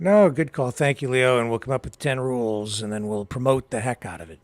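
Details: Adult male speaker; normal voice.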